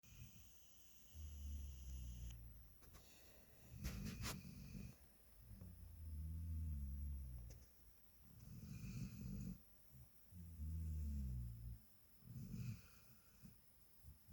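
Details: Sleeping subject, likely a dog (dog-tagged recording), deep low rumbling snores at an uneven pace of about 13 a minute in a quiet room; ordinary snoring.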